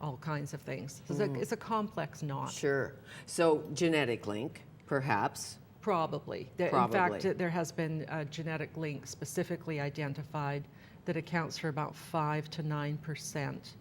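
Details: Adult woman speaking; typical speech.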